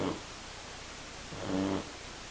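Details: Shar pei puppy, 10 weeks old, snoring loudly while asleep: a loud, low, buzzing snore on one breath; ordinary sleep snoring.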